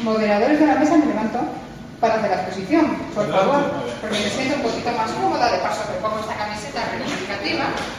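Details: Adult woman speaking Spanish to an audience; normal fluent speech.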